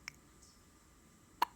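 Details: Two brief, sharp, quiet hiccups about one and a third seconds apart from a little boy.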